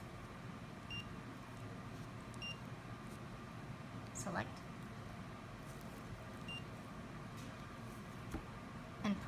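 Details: Short high-pitched button beeps from a CADD-MS 3 subcutaneous Remodulin infusion pump during set-up, as the 3 mL syringe is loaded and tubing fill is selected, over quiet room noise.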